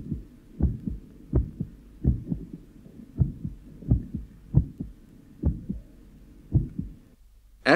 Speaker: listen now to the varying intensity of the first heart sound in a 53-year-old man with atrial fibrillation due to thyrotoxicosis